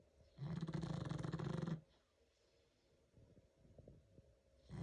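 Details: Sleeping female pug aged almost 11 years snoring: one loud, low, rapidly fluttering snore lasting over a second, then quiet breathing and soft noises.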